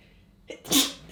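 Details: A single sneeze: a brief indrawn breath followed by one sharp, hissing burst of air.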